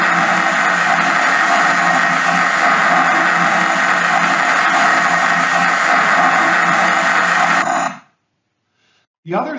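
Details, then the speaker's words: Deep brain stimulation microelectrode recording of a kinesthetic cell: dense crackling hiss of neural firing that stops abruptly, the cell responding to movement of the patient's limb, in a movement disorder procedure. "now here's an example of a kinesthetic cell this is testing the patient and this is the activity that we look for when moving the patient's"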